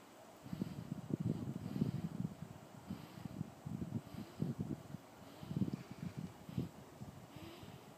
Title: Snoring baby...